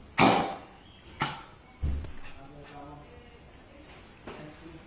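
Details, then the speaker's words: Dog with chronic airway disease that was not coughing spontaneously: three harsh honking coughs in quick succession, then quieter breathing, induced by palpating the trachea or pressing the chest. "we just need to add a little bit of pressure to the chest or by palpating the trachea to add the extra stimulus that will cause coughing and we will see it in this video"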